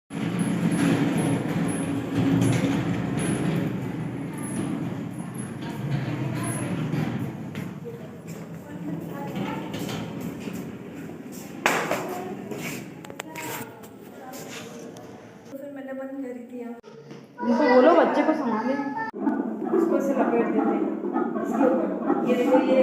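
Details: Fetal heartbeat on a CTG fetal monitoring machine during pregnancy: rapid, rhythmic whooshing pulses of a normal fetal heartbeat.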